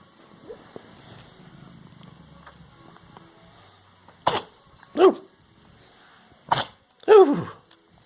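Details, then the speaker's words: Quiet soft purring from a cat kneading a pillow, then a few short, sharp cat sneezes near the end. "Didn't see that sneeze coming, did you? Come on. Oh, sneeze put you off a little bit."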